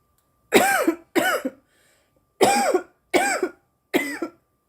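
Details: Woman coughing after inhaling too much smoke: two bursts of strong, harsh coughs, five in all, each with a rough voiced tail; a coughing fit.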